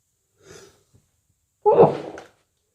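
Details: Day 2 of a cold: a short indrawn breath, then a single forceful sneeze.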